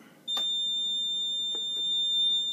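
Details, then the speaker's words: Steady high-pitched alarm tone switching on and holding during the pre-use self-test of a Puritan Bennett 840 ventilator after circuit setup, before connecting a patient; normal self-test signal. "another quick pre test self-test and now it is ready for me to hook up or do my setup for my patient that is the pre use test with the pure can Bennett 840"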